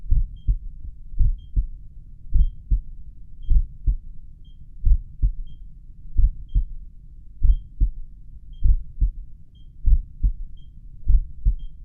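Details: Own heartbeat at rest, stethoscope probably at the mitral area: regular lub-dub sounds about 49 a minute, pulse oximeter beeping, low-heart-rate alarm; sinus bradycardia.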